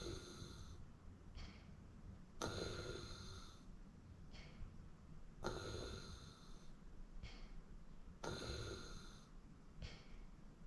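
Regular rough snores on each breath, about 20 a minute, with softer snorts between them; ordinary sleep snoring.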